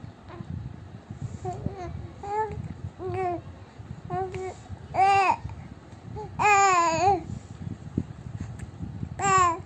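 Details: Three-month-old baby talking to mother: soft, drawn-out vowel coos and squeals with quiet pauses between, normal early cooing and babbling.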